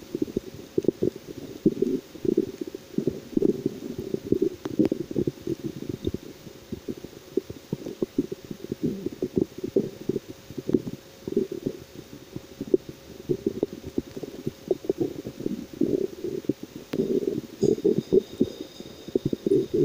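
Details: Continuous low rumbling and gurgling from the belly: ordinary stomach growling from digestion.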